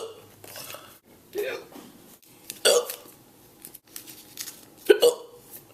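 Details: Several short, abrupt throat catches about a second apart in a quiet room; hiccups.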